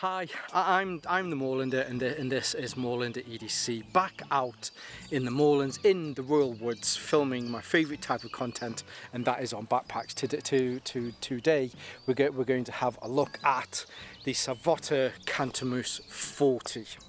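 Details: Stuttering in an adult whose stammer is linked to his anxiety and still present a little; he says it was much worse on the first day of filming.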